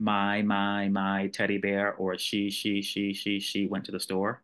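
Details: Stuttering with single-syllable whole-word repetition, demonstrated by the speaker during a talk about stuttering.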